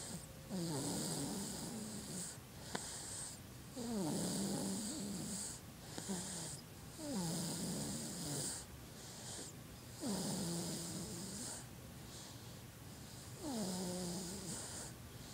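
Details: A sleeping 7½-month-old infant snores in a steady rhythm, about 19 breaths a minute, each breath with a soft falling whistle.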